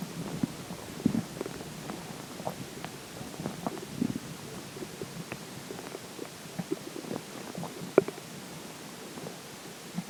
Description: There are some weird sounds in this particular water stomach growls.